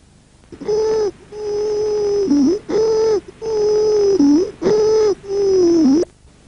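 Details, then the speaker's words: Loud, high-pitched musical noise with each breath, mainly inspiratory, from upper airway obstruction: laryngeal stridor. "el sector 5 característico es el de la obstrucción de la vía aérea alta conocido como estridor laringe o escúchelo a continuación"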